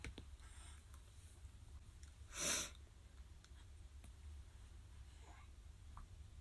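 A single soft, hissing sneeze burst in a quiet room.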